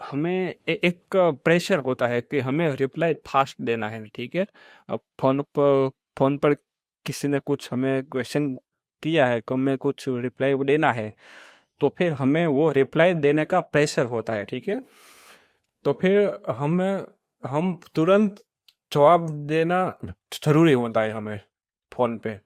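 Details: Adult man who states he stammers; stuttering.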